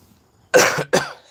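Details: Two harsh, rough coughs in quick succession from a woman with laryngitis and a weak, hoarse voice; the cough of a throat and airway infection.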